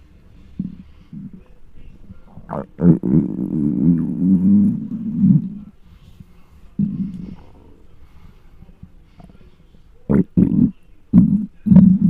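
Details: Very hungry stomach of a large person recorded with close microphone: low growls, a long rumble and several short squelches, hunger borborygmi.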